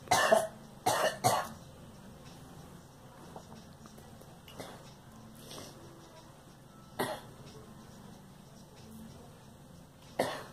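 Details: Girl coughing: a few short harsh coughs, a brief cluster at the start and single coughs later, over quiet room noise.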